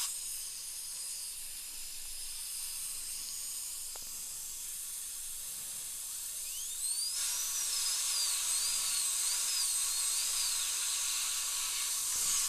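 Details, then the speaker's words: Steady high-pitched whine of a high-speed dental drill cutting through the contact area of upper molar (tooth #2) with old amalgam, decay and crack, under rubber dam; pitch rising and wavering over hissing background. "all right so first things first I'm going to get right through the contact area for"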